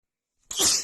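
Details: Female with runny nose after an hour outside in snowy cold weather, plus dust exposure; a single sharp, hissing sneeze after silence, cut off at the end, during a non-stop sneezing attack.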